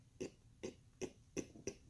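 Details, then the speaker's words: A person imitating a former vocal tic: five brief, quiet, pig-like closed-mouth grunting noises made in the throat at regular intervals. "so I did this thing where I had two of them one of them was sort of like a pig noise and like you know how like pigs in order whatever it's not like the mm-hmm it's not like that one that you just heard it's more like I close my mouth it's more like I"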